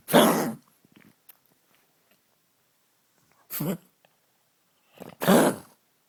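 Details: Senior pug with a terrible cough, recorded for the vet: three harsh, forceful coughing bursts with quiet gaps between them.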